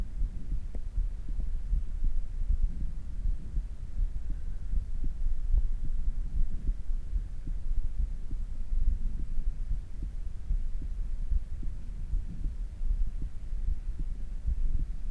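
Fast, regular low heartbeats with a steady hum in the background, a normal heartbeat slowing after exercise.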